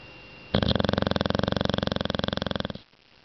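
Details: A loud, rapid rattling snore lasting about two seconds, the fluttering airway of a sleeping dog; snoring.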